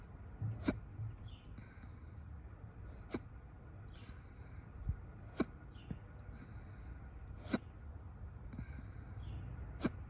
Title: Audio only hiccups